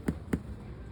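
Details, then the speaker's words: Teaching demonstration of indirect percussion with a hammer over the thoracic cavity: two hollow, drum-like thuds, the resonant note expected over healthy, air-filled lung. "Entonces cuando usted percuta aquí la zona de cavidad torácica cierto de tórax el sonido que deberíamos escuchar"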